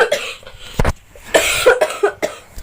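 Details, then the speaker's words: Several short, harsh cough bursts mixed with throaty voiced sounds: a faked cough performed as a prank, pretending to cough up blood with red food colouring. "Nah waktunya malam ini tuh aku mau ngeprank teman-teman aku bahwasanya aku batuk-batuk gitu kan."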